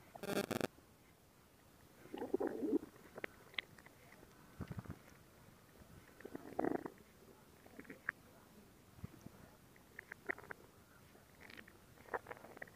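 Irregular gurgling and rumbling bursts with quiet gaps between them: ordinary stomach growling from gas and fluid moving through the gut.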